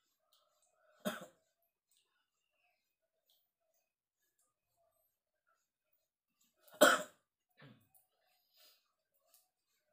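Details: Adult man feverish with a cold (masuk angin) at dawn during rainy season: two separate short, harsh coughs several seconds apart in a quiet room, faint throat sound after the second.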